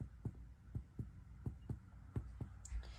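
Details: Percussion over the heart during a physical assessment, giving normal cardiac dullness.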